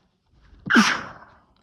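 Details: Single sneeze: a short indrawn breath, then a sharp explosive burst of air and voice fading over about half a second.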